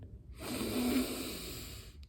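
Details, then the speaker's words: Single slow, loud, breathy deep inhalation with faint snort-like quality, on instruction during a simulated ASMR chiropractic exam roleplay as the lumbar spine (L1) is adjusted with thumbs at the hips. "breathe out breathe in oh okay I breathe out let that out"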